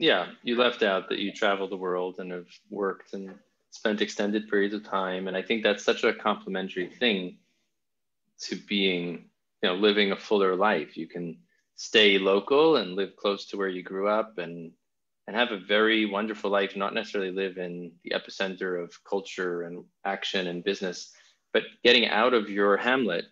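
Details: Adult male speaker; normal speech.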